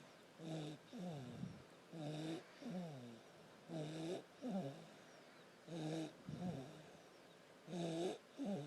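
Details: Regular rattling snores with each breath in and out, steady and repeating throughout; ordinary snoring.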